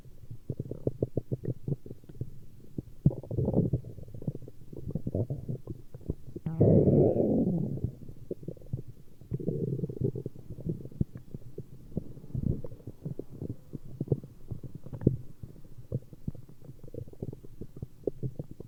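Irregular low gurgles and rumbles with a longer growl midway; ordinary bowel sounds of stomach growling.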